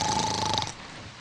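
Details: Snoring sound effect in a Kannada feature film scene, not a real patient: a single loud, rasping snort with a whistling edge, then quiet room noise. A character's loud snoring is complained about.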